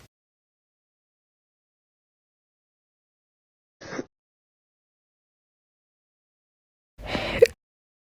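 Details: Slow hiccups after being too cold, audio-only recording: two brief, abrupt catching sounds about three seconds apart in near silence.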